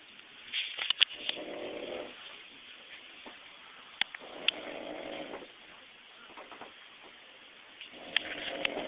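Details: Adult man napping: gentle, rough snores about every three to four seconds, with faint clicks and room noise between them; snoring.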